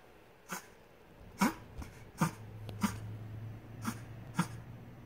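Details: Reverse sneezing in a Chihuahua: rapid run of short, harsh snorting breaths resembling coughing.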